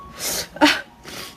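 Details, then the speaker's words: Adult Chinese woman's allergy sneeze during a livestream after complaining her nose itches: a brief breath in, then one sharp, wet-sounding burst; her eyes water afterward. "泪都给我整出来了。一剪就开始出痛苦面具。"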